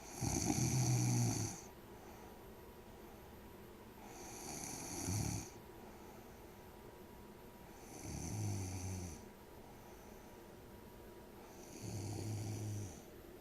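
Four low, rattling snores on breathing in, about four seconds apart with quiet gaps between: ordinary snoring.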